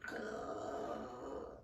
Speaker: My dog is snoring right now and it is hilarious.